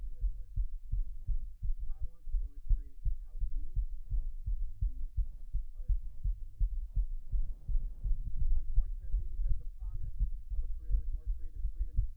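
Deep, rapid, pounding thumps from an adult heartbeat picked up by a microphone, with faint voices in the background; a fast heartbeat.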